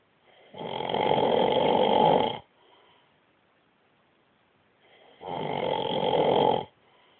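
Loud, rough, rattling snores on two long inbreaths about four seconds apart, with quiet breathing out between them: ordinary snoring.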